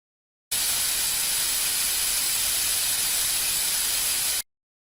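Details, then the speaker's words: Steady loud hissing rush of water spray and suction, about four seconds, rinsing the teeth before bonding brackets for braces, with a lip guard in place, in an interactive dental procedure demonstration. "let's rinse off the teeth can you spray them with water I run the suction to remove the water"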